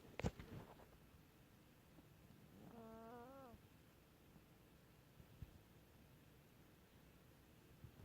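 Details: Chihuahua wheezing: one brief, musical, whistling note with rising-then-falling pitch.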